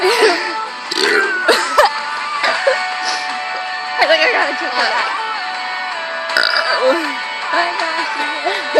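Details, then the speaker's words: Girl deliberately swallowing air to burp, apparently with a Monster drink, struggling to get burps out: several loud voluntary belches mixed with talking and background music. "You have to swallow air. Fuck. You have to go up close. You're not burping."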